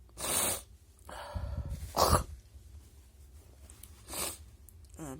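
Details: Stifled sneeze: short hissing nasal bursts and a held, muffled sneeze that sounds cut off, while the person tries to trigger sneezing because the nose tickles; nose reported blocked.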